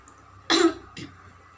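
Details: Simulated nursing role-play teaching effective peri-operative coughing to a post-operative patient after deep breaths: one strong deliberate cough followed by a weaker second burst; voluntary cough.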